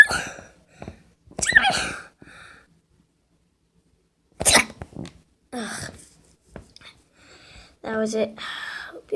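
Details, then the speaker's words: Short breathy bursts and an abrupt sneeze with a brief voiced, squeaky ending in a quiet room; self-induced but real sneeze from a person who says their sneeze is weird and eyes watered. "It's my sneeze. My eyes are actually watery. That's actually my real sneeze."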